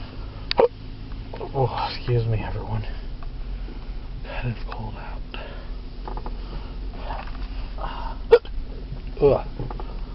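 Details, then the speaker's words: Three abrupt, sharp hiccup clicks interrupting quiet talk from an adult man with hiccups all night, recurring after relief, with upset stomach, nausea and burping, cause unknown; hiccups. "I don't know what is causing these hiccups. I can get them to go away for a couple of hours and they come back."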